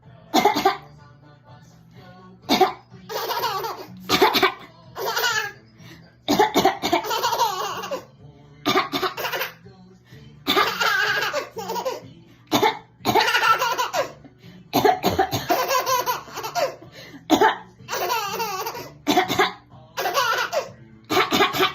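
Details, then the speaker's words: Mother gives short dry coughs while a baby answers each with bursts of giggling laughter. Finding: cough. "Why is mommy coughing funny to you?"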